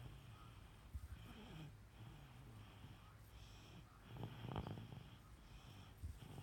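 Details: Person snores with low, rumbling sounds on inhalation over a quiet room background, with a louder snorting breath partway through.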